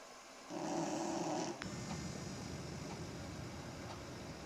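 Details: Four-year-old girl asleep, recorded in early summer 2008, snoring loudly like a pneumatic drill: one long, rough, rattling breath, then quieter breathing; snoring.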